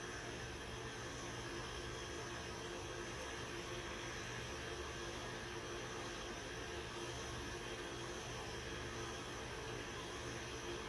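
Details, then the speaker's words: Steady loud whirring hum of a CT scanner during acquisition of a radiotherapy planning scan for a patient with left breast carcinoma, with four positioning markers placed. "on vérifie aussi que la table elle est bien prise la passe de profil et on commence l'acquisition scanographique"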